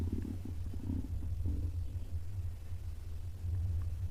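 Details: Stomach growling (borborygmi).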